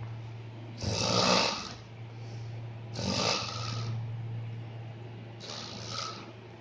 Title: High level snoring.irritating, funny